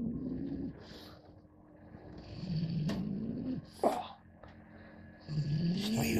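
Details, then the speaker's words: A sleeping dog (Daisy) gives low, rumbling snores with each breath, with faint room noise behind. Snoring. "So we get this fucking daisy snoring. You can hear that."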